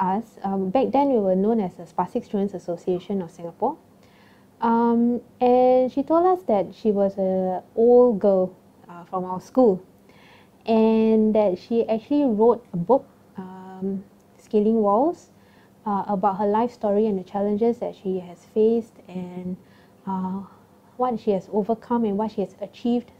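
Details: Adult woman speaking; Normal speech.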